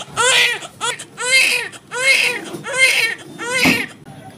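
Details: Loud, high-pitched rhythmic crying bursts from a just-born baby boy of normal birth weight immediately after normal delivery in an Indian hospital; vigorous newborn cry.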